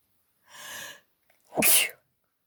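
A drawn-in breath followed by one sharp, explosive sneeze, consistent with allergic sneezing.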